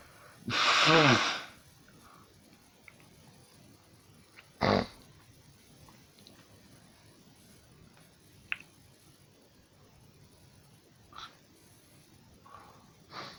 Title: Sneezing non stop like a mad person